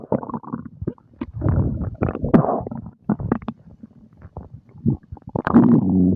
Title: Stomach growling and gurgling after breakfast